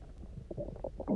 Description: my stomach was already rumbling after having eaten basically nothing for 24 hours, so i chugged a bunch of water and laid on my side and that really got things moving!!! these ones are so resonant and gurgly, my poor tummy was screaming for something to eat!